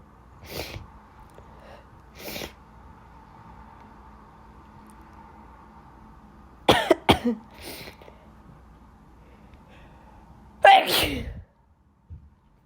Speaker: I'm gonna sneeze. I sneezed all day at school today. I'm not sick. Just allergies again.